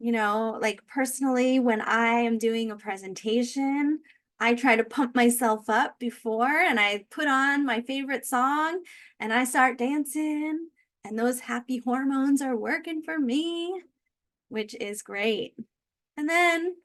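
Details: Adult woman speaking; normal speech.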